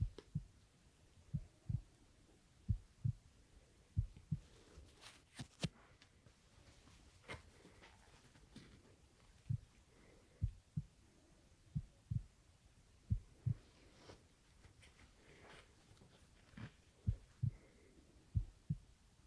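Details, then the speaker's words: Young man born 1997, annual checkup in ASMR role-play, stethoscope at second intercostal space: soft low paired thumps with handling rustle, no murmurs; normal heart sounds. "No murmurs, so okay. Really strong heart. Good to hear."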